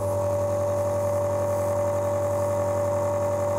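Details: Steady loud motor hum with constant whine and fast rattling pulses from a Dr Trust air compressor nebulizer during a live demonstration, turning liquid medicine into mist.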